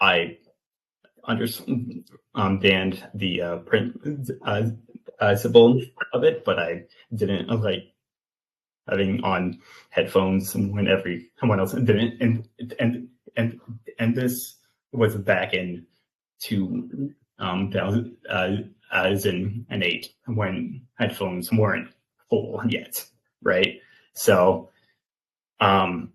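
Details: 28-year-old man with stuttering, an open stutterer who had speech therapy from elementary school through high school, speaking in an interview; stuttering.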